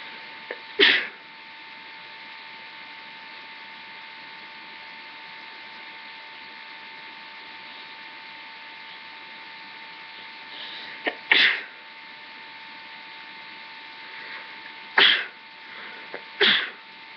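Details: Sneezes induced with a rolled-up tissue: four short, sharp sneezes, some with a quick intake of breath before, over a steady background hum; recording quality is poor.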